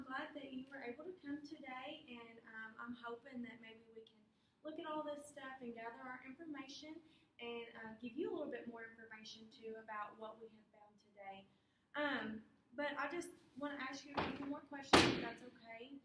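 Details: Adult female clinician; Normal speech.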